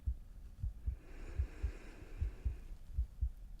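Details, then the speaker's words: Normal heart sounds heard through the chest during a simulated ASMR pre-surgery anesthesiologist exam, patient breathing naturally: steady paired low thumps at about 75 beats a minute with faint breathing behind. "I'm just gonna listen to your heart beating and your natural breathing."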